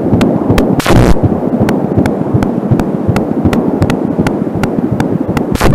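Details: Fetal heartbeat on an Angelsound home fetal Doppler, about 160 a minute as fast whooshing pulses, with the mother's slower pulse from a nearby artery heard at times; static and crackle from a short audio cable.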